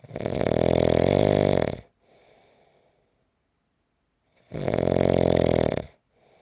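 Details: Loud, rattling in-breath snores of about two seconds each, with quiet out-breaths between them, from a 5-minute snoring recording; ordinary snoring.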